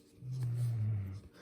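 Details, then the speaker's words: Dog snoring late at night: a single low, rumbling snore about a second long in a quiet room. "don't know if you can hear my dog snoring a little late at night trying to get this video in"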